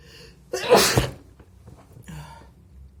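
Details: One forceful, wet, spraying sneeze with a sharp intake before it, followed by quiet breathing; an ordinary sneeze.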